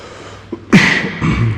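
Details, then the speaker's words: Single sharp adult cough echoing briefly in a quiet, empty museum hall; the person coughing says he is thirsty. "You can hear how empty this museum is by my cough."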